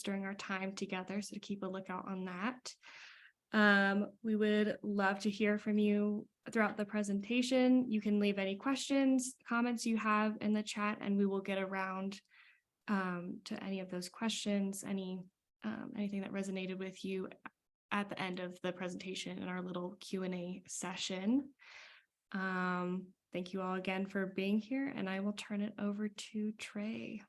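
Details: Adult woman speaking; Normal voice.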